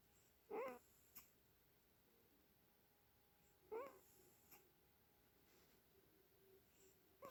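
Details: Cat snoring in sleep with a weird little snore: two brief squeaky, whistling snores about three seconds apart, roughly 19 breaths a minute, in a quiet room.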